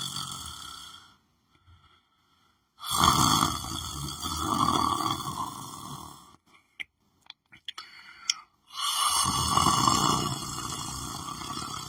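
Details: Person lying on the floor of their room, asleep: long, loud, rough breathing noises with a raspy, vibrating quality, separated by quiet pauses; snoring during sleep.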